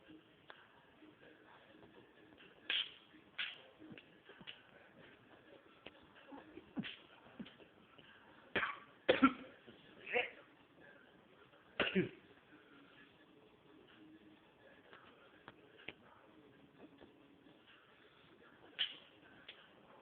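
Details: Choking cough in an adult after smoking cannabis: irregular bouts of harsh, dry coughs with quiet gaps and faint throat clearing between.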